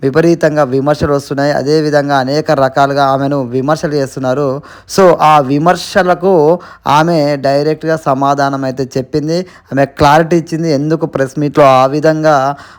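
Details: Adult male narrator; Normal speech.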